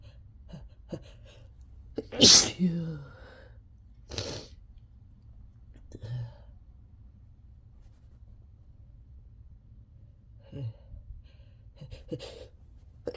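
One loud, forceful sneeze, then a weaker second one and several quieter sniffs and small sneeze-like bursts in a quiet room.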